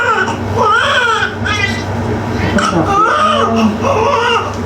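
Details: Strong, sustained crying of a large newborn boy just after a normal vaginal birth, with steady breaths between cries over room noise and adult voices; a healthy cry just after birth.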